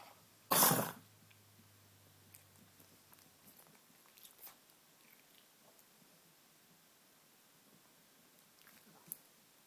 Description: My older pug coughing. To show our vet.